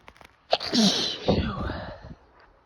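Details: A sharp intake, then a forceful, partly stifled burst of air and voice from a person whose nose is tickly, amid sniffles and snorts in a small quiet room: single sneeze.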